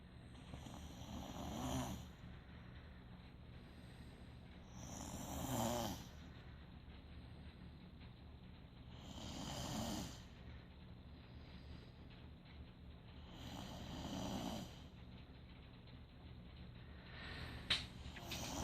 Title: Snoring 2